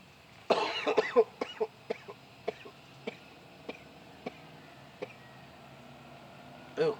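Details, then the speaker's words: Adult man with a lingering cough after a week of raspy voice and heavy mucus: a fit of about a dozen coughs, harsh at first then weaker; productive cough. "I still got a little bit of a cough to me but still my voice isn't as raspy as it was last week I got a fraction of my voice back but I'm just waiting for this cough to finally leave me the heck alone"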